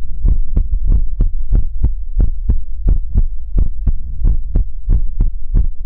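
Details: Heartbeat in an ASMR recording that also features whispers, helicopter and mouth sounds: deep, steady lub-dub thumps at about 90 beats a minute.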